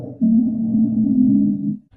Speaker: first one we have here is wheezing keyword here is musical it's a continuous sound produced by narrowed Airways think wheezing whistle like a musical let's listen